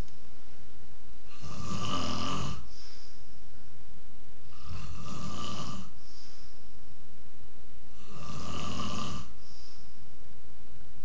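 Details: Man who says he doesn't snore: loud, rattling snores on each breath in, about every three seconds, with quieter breaths out between; heavy snoring.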